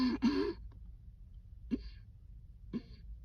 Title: cold air makes a coughing fit